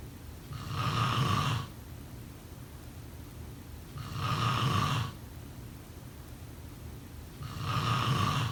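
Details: Loud, rough, low rattling snores on each breath in, about 17 breaths a minute, with quiet pauses between; snoring during sleep.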